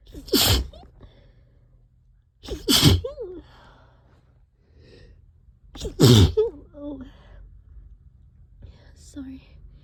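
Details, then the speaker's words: Allergy sneezing fit triggered by cleaning the trap, with sneezing continuing for another half hour: three loud, wet sneezes about every three seconds, each with a sharp intake before it. "Can't stop sneezing. Oh, that was so loud. This always happens whenever whenever I clean the trap. It makes me so sneezy."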